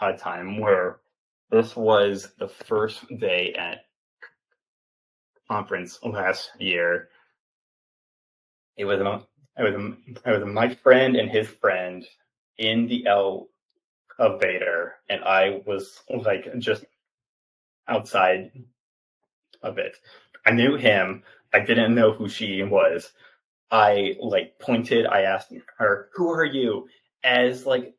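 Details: Stuttering in a 28-year-old man who has stuttered since childhood and had speech therapy from elementary through high school; he now openly accepts his stutter.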